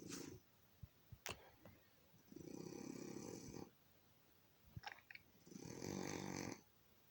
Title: Here's footage of my cat snoring for a minute